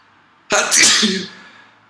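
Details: One loud, explosive sneeze with a sudden burst of air that trails off; a single sneeze followed by heavy nasal discharge and sniffles.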